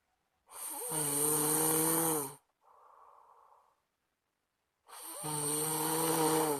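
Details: Two loud, rough, vibrating snores on the in-breath from a sleeping friend, with a softer airy out-breath between them; snoring.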